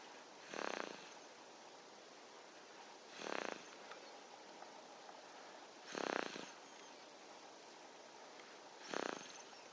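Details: Six-month-old baby boy snoring: soft, breathy snoring noises on each breath, four breaths about 2.7 seconds apart (about 22 a minute), over a steady background hiss.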